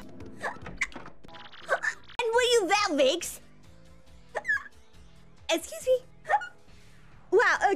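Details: Hiccups: brief, abrupt voiced catches recur between stretches of speech over background music, from a hiccup compilation.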